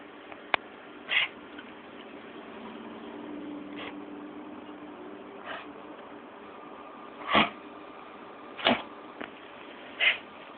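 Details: Jack Russell Terrier with kennel cough (canine infectious tracheobronchitis): about six short, dry, hacking cough bursts.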